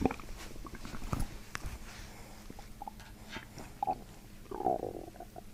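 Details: Soft, quiet, irregular gurgling and bubbling bowel sounds during a chiropractic abdominal treatment; borborygmi.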